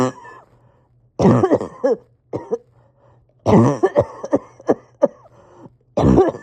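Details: Persistent cough with breathing struggles and difficulty resting or getting comfortable: clusters of about ten tight, hacking coughs with strained, squeaky in-breaths and throat clearing between bursts.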